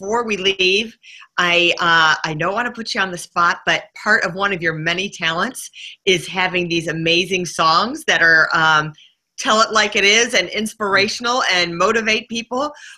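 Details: Adult woman speaking; Normal voice.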